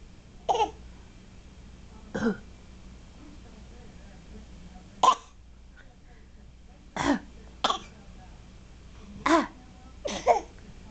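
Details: Infant giving about eight short, deliberate fake coughs spaced by pauses; voluntary, playful coughing, not illness.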